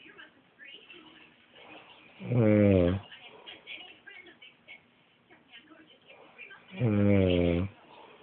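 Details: Snoring during sleep: two loud, rattling snores about four and a half seconds apart, with quiet breathing between them.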